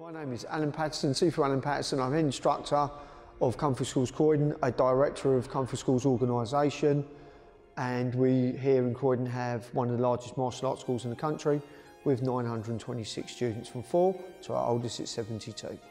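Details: Adult man; typical speech.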